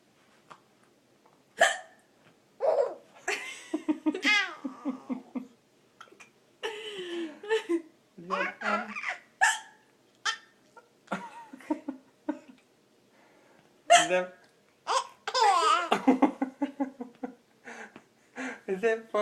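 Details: Girl with hiccups, after laughing at her mother's hiccups: repeated brief, sudden hiccup sounds among soft speech and laughter.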